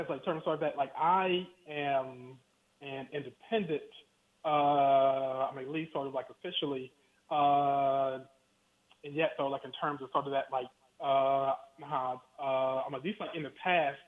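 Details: Stuttering in an adult man speaking by phone.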